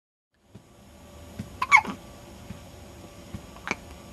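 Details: Baby with hiccups: short, sharp, spaced catches of breath with small clicks in a quiet room, typical of infant hiccups.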